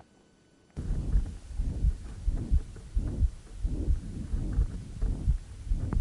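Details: Ventricular septal defect: holosystolic, high-frequency, harsh rushing murmur filling each beat, heard near but not quite at the apex, where it reaches maximum intensity; regular heartbeat about 87 a minute.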